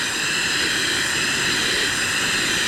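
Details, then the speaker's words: CPAP setup and application demonstration, flow set to about 8-9 targeting a pressure of about 5 with oxygen on: loud, steady rushing of air with no breaks; continuous positive airway pressure airflow. "I'm going to put you on a device it's called CPAP what it does is it's going to blow air really hard into your face"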